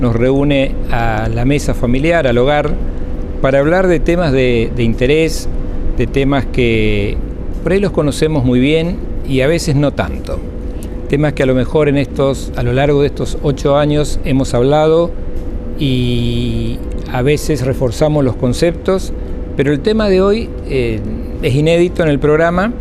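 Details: Adult male speaker; typical speech.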